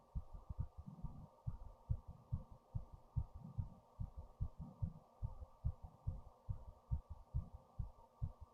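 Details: Rapid regular low thumps around 140 a minute over a steady low hum: fast heartbeat recorded with a headphone microphone after standing up, heart racing with fast breathing.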